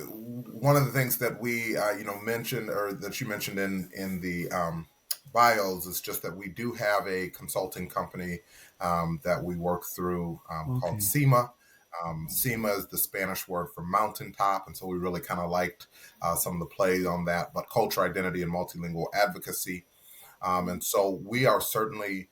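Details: Adult male speaker; Normal conversational speech.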